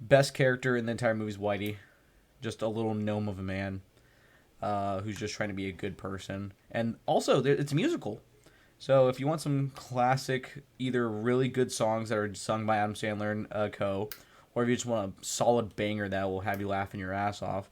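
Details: Adult male speaker; ordinary speech.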